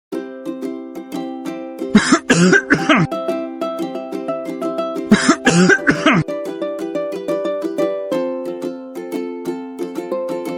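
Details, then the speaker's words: Cough etiquette demonstration: two pairs of sharp cough bursts, three coughs each, over plucked-string background music; coughing. "Tahukah kamu saat kamu sedang batuk atau bersin terjadi pelepasan bakteri atau virus yang berasal dari pernafasan baik percikan melalui udara maupun cairan pada tubuh yang bisa menular ke orang lain"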